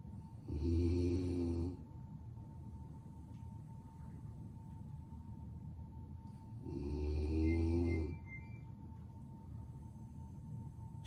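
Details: Female dog asleep: two deep, buzzing snores about six seconds apart over a steady faint room hum; snoring.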